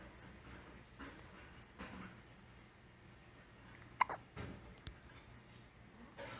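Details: Hiccups in a nine-day-old baby.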